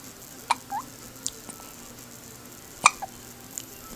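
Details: Two sharp, abrupt little catches about two seconds apart, each with a brief squeak, over low background hiss; hiccups.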